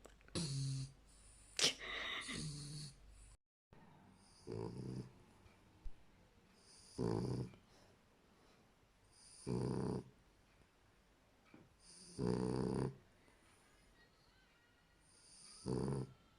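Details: Loud snoring in a French bulldog: loud rattling snores with each breath in, about every 2.5 seconds (roughly 24 breaths a minute), typical heavy snoring of a flat-faced dog.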